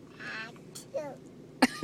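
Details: Young child's fake sneeze, done on request: brief vocal sounds ending in a sharp, sneeze-like burst, an imitation rather than a true sneeze.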